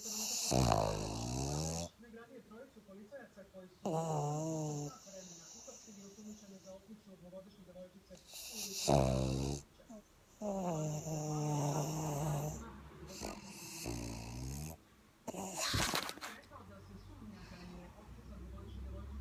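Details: Pug (flat-faced dog) snoring: repeated loud, buzzing, fluttering snores with quieter breathing between them.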